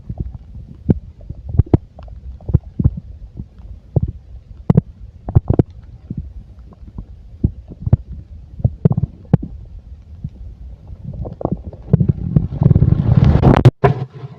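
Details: Full stomach: irregular gurgles and soft pops from the belly, with rubbing noise near the end; ordinary bowel sounds.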